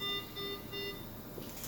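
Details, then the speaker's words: Ventilator alarm from an anesthesia machine used as an ICU ventilator in a COVID-19 training demo: repeated high electronic beeps flagging an unexpected high tidal volume, which then cleared; the alarm can be paused. "this is an unexpected high tidal volume they'll let you know but it disappeared you can pause the alarm up here and that will stop it"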